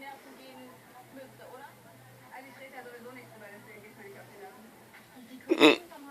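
Quiet talking, then one sudden sharp gulping catch of breath: a single hiccup.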